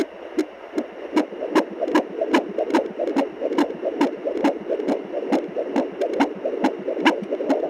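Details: Fetal heartbeat of a baby girl on Doppler at 24 weeks of pregnancy: fast, regular galloping whoosh, roughly 140 beats a minute.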